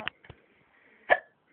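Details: Drunk adult complaining of chest pain and feeling sick: three abrupt, sharp hiccups within about a second and a half, the last with a louder voiced yelp.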